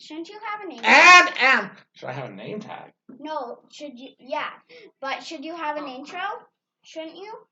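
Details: Adult speakers in conversation, indoors; normal conversational speech.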